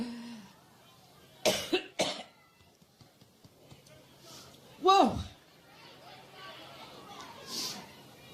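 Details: Adult woman speaking at a rally: short run of sharp, dry coughs with a louder voiced cough, against quiet room noise; coughing fit.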